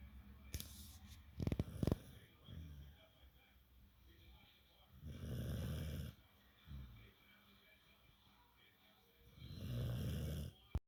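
Low, rumbling snores during sleep breathing, with a few spaced bursts and quiet gaps between them, in a quiet room.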